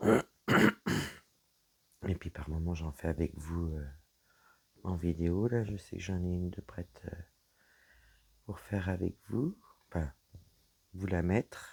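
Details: Woman whose vocal cords were damaged by a serious health problem; her voice is deeper than before, at times she has little voice, and she cannot speak loudly; low-pitched voice; dysphonia.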